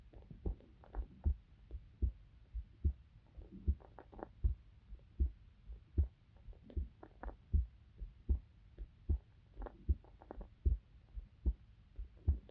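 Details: Recording of a female university student's own heartbeat made for sleep-inducing ASMR: steady low thumps at about 78 a minute with faint background hum; normal resting heart sounds.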